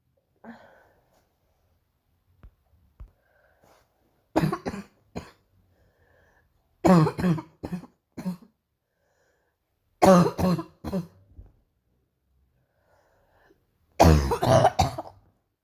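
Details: Morning coughing fit described as really painful: four bouts of harsh, rough coughing, each two to four coughs, with pauses between.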